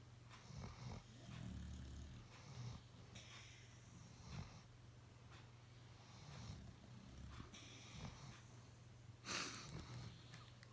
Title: My Dogs Just Snoring